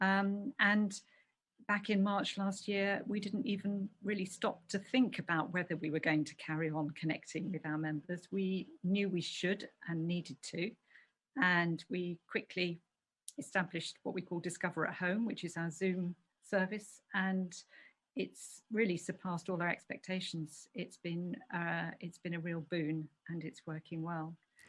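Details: Adult woman speaking; Normal fluent speech.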